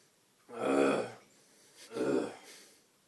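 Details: Two deep, drawn-out guttural retching heaves about a second apart, strained and throaty like vomiting, after something went down the wrong way.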